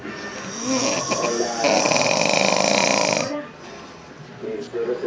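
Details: A loud, harsh, fluttering snore from an adult sleeping in a bedroom, heard throughout the house, with quieter breathing and room noise around it.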